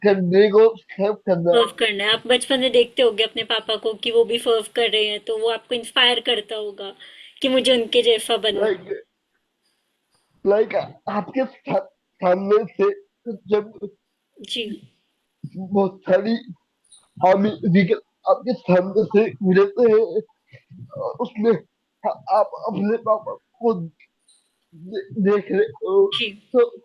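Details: Young adult man with cerebral palsy since age 2, unable to speak as a child, still needing double effort and unable to speak clearly; slow speech with repeated words; dysarthria from cerebral palsy.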